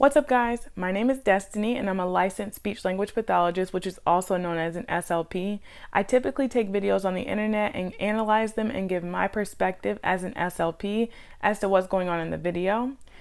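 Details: Adult woman speaking; normal speech.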